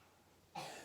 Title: She has cough ;)